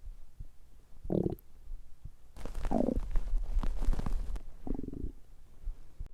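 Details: Stomach growling, mostly digestive rather than hunger sounds: several gurgling, rumbling growls in bursts with quiet gaps; active bowel sounds.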